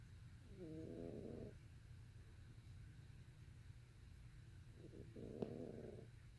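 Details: A sleeping pet gives two soft, buzzy snores a few seconds apart over a low steady rumble, quiet enough that close listening is needed.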